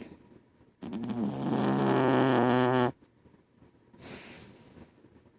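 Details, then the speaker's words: A pet dog lying under her sleeping owner gives a single loud, drawn-out rumbling snore of about two seconds, then a softer breath. Very loud, slow snoring that keeps the owner awake. "good morning this is my dog Scarlett she lays up under me as he sleeps and she's storing very loud slow loud that I can't sleep"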